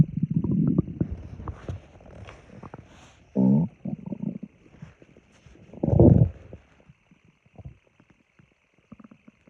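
Low rumbling gurgles with two longer, drawn-out growls, then fading bubbling; ordinary stomach growling.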